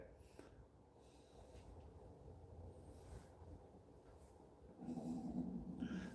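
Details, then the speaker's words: Older man walking outdoors: over steady wind and footstep noise, a low, uneven rumbling stomach growl (borborygmi) rises near the end. "Oh man, my stomach's growling. Did you guys hear that?"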